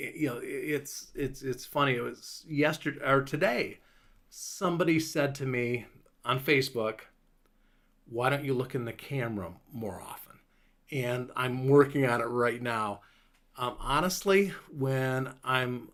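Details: Adult man five years after a stroke, with a clot lodged in Broca's area of the left frontal lobe; much of his speech has recovered but word-finding difficulty remains; Broca's aphasia (mild, recovered).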